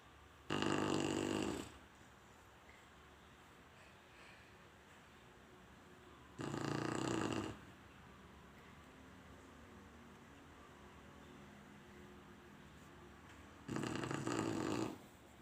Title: Snoring Sharpei Part 5 (Star Version) #chinesesharpei #sharpei #dog #dogsofyoutube #dogsoftiktok